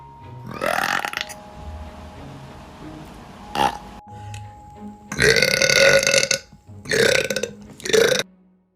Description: Random Tiktok girls burping